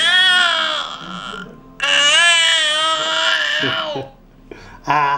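High, sustained wailing cries from an infant with brief pauses between; an ordinary infant cry.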